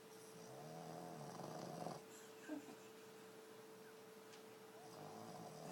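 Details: A sleeping animal two minutes after running around the room: soft, rough, rumbling breaths with a steady hum in the room; ordinary snoring.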